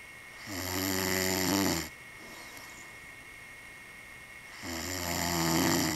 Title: Snores